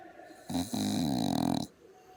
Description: Dog - Pug - snores like an old man..